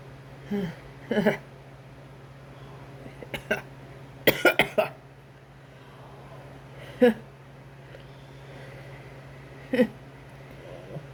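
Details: Induced cold sneezes from a man with a runny, itchy nose: several sharp, explosive bursts separated by quiet pauses, with soft talk and blessings from his partner between them.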